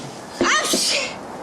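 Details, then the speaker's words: A single sharp, explosive sneeze from an adult, with a brief indrawn breath just before it, in a Russian TV drama scene; the speaker then mentions a cold that has lasted five days. "будьте здоровы. Ой, не говорите. Слушайте, что-то эта простуда уже пятый день не проходит."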